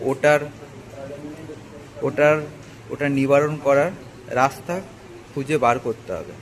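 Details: Adult male, Bengali-speaking, with a stammer for many years, after about four weeks of stammering training: stuttering.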